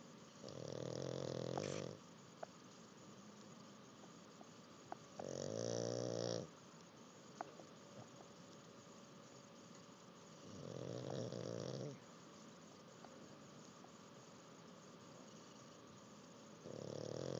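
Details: Pug sleeping after learning to swim: loud rattling snores about every five seconds, roughly 12 a minute, with quiet pauses between.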